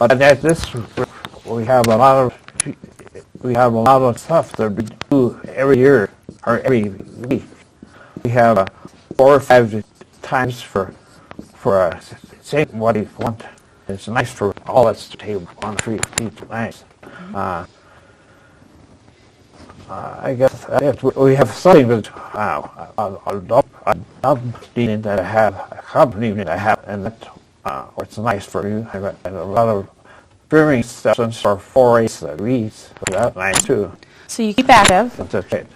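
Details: Adult with aphasia after a stroke at age 76, previously in a professional career, attending an aphasia conversation group with a speech-language pathologist; real patient speech showing aphasia.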